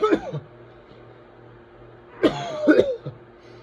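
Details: Whooping cough (pertussis) coughing fit: harsh, voiced cough bursts in a quiet room.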